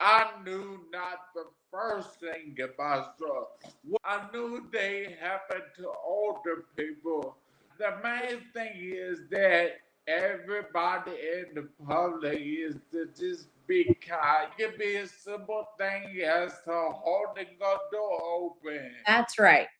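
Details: Adult man, 41, with aphasia after three strokes, the first at age 27 caused by an arteriovenous malformation, about 13 years ago; garbled paragrammatic speech; aphasia with paragrammatic speech.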